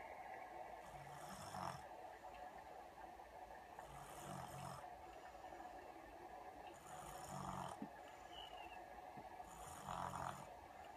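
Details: Soft, rough snoring breaths about three seconds apart, roughly 20 a minute, with a hissy airy edge over background hiss; snoring during sleep.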